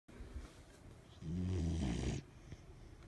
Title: My dog snores!!